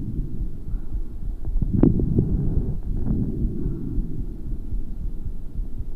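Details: Low, rumbling breath noise with a brief cluster of popping coarse crackles early in inspiration.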